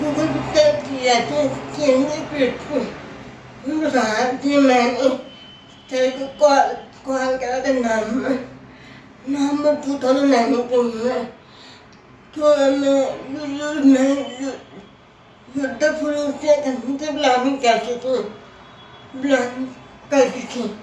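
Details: Adult woman with cerebral palsy whose speech is hard to understand, offered written answers in an interview because of her speech difficulty; dysarthria.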